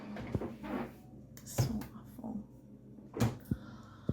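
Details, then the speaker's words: Person with hiccups while indoors making dinner, also yawning; sharp, abrupt hiccup bursts recur irregularly, about four in four seconds, in a quiet room. She says hiccups usually trigger coughing for her. "I do know I hate hiccups as usual and they always seem to trigger coughing for some reason I'm gonna try and drinking something see if that helps"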